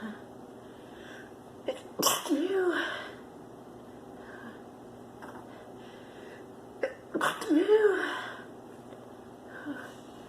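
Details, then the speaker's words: Female with flower/pollen allergy in spring says she has to sneeze, then gives two forceful sneezes, each with a sharp intake and explosive release; allergic sneezing. "I'm gonna excuse it. I have to sneeze. Achoo."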